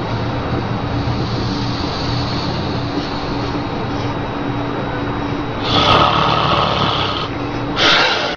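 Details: Young child frightened by father's loud snoring: steady low room hum, then two loud, harsh, rattling breathing bursts near the end; snoring.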